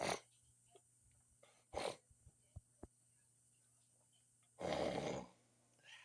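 Short bursts of air with sniffing and small snorts, ending in one larger explosive sneeze.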